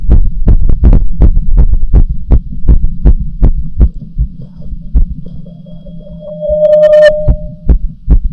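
Loud, fast regular heart thumps, roughly 160 a minute, with a brief tonal hum partway through.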